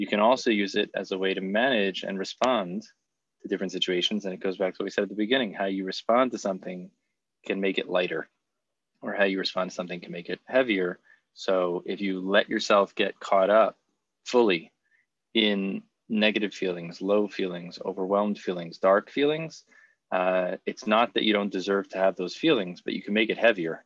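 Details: Adult male speaker; typical speech.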